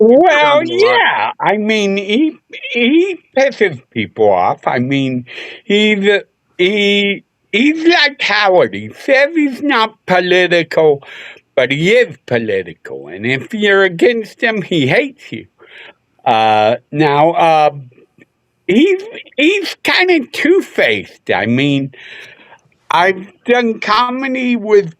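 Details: Adult male seen by a neurologist; MRI showed part of the back of the brain underdeveloped; as a child hit his head on a dashboard in a car accident, hospitalized a couple of days; often mistaken for drunk; slurred speech (possible dysarthria).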